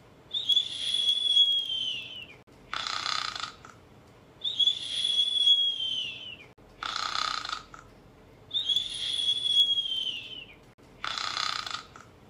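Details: A cartoon-style snoring sound effect, not a real recording: rough inhaled snores alternating with a high whistling exhale, about 15 cycles a minute.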